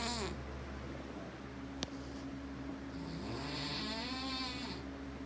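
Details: Snoring.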